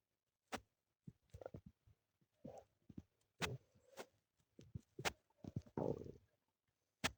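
Short gurgles, pops and brief rumbles at irregular intervals; ordinary stomach growling.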